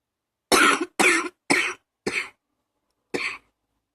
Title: # 65 still coughing, allergies #2